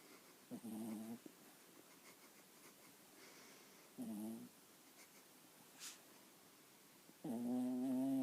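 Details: 7-month-old puppy snoring while asleep: three short squeaky, whistling breaths with a nasal whine, about every three seconds. Snoring.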